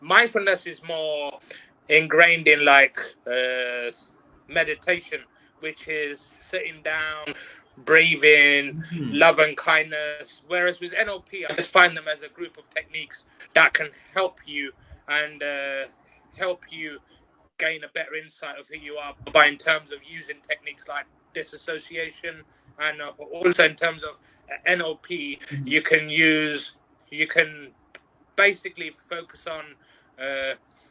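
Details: Adult professional who stutters and has found it very difficult at work but reports overcoming much of it through working on himself; stuttering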